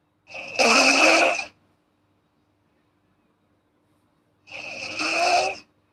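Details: Snoring from a girl, recorded as ASMR.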